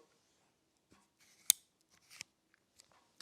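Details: Asthma inhaler used by a 43-year-old cyclist with asthma, clicked to load a dose before a full inhalation: one sharp click in a quiet room with a few soft handling sounds.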